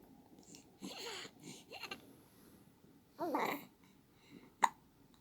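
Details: Infant with a few brief voiced squeaks and a sharp, sudden catch of breath: hiccups.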